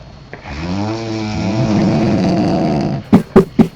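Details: Adult woman snoring loudly in a hotel room after drinking alcohol at a birthday party: a long, loud, rattling snore followed by three short snorting bursts; snoring.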